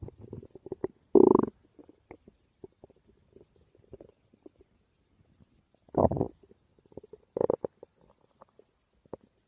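Quiet ticking gurgles broken by a few short, louder rumbling squeaks, consistent with ordinary stomach growling.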